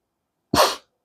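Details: Sneeze, possibly voiced by a reader, during a read-aloud of a children's story: a single short explosive burst of air.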